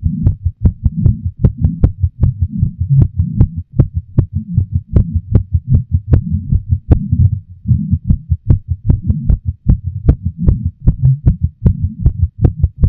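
Loud, fast, pounding heartbeat, roughly 150 thumps a minute and slightly uneven; a forceful racing heart during intense arousal, normal.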